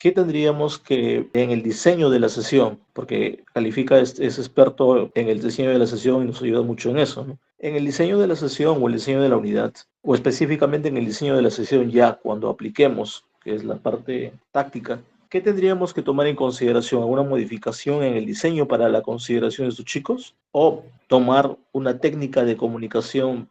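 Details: Adult speaker; normal speech.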